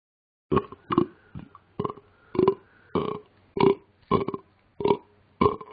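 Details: Simulated burping from Talking Ben the Dog, a mobile app game character: about ten loud, throaty burps in quick, uneven succession; repeated burping.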